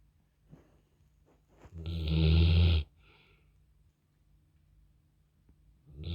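One loud, rattling snore on the in-breath, followed by quiet breathing: snoring.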